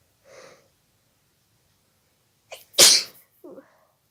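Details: Sneezy spell from a persistent nasal tickle of unclear cause, possibly dust: a short sharp intake, then one loud hissing sneeze burst with soft sounds before and after.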